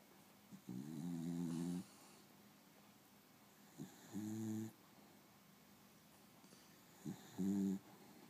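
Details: Beagle (Princess) napping in the afternoon, snoring during REM sleep: three buzzing, tonal snores at a steady pace of about 19 breaths a minute in a quiet room.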